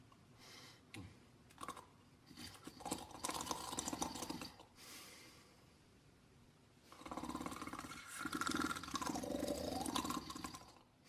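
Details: Cartoon dog snoring, simulated: rough, rumbling snores in irregular bursts, an exaggerated animated sound effect.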